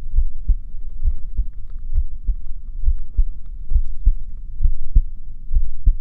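Deep, regular thumping heartbeats at about 67 beats a minute, with a low hum underneath.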